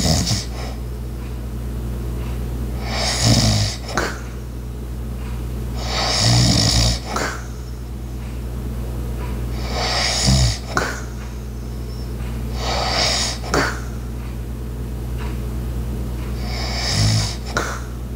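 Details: Light snoring with household background sounds, including an ice maker, clock and walking: about 16 snores a minute, some with a snorting catch, over a low household hum; ordinary light snoring.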